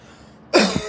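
A single harsh, forceful cough burst after a quiet pause, imitating the upper-airway cough of croup.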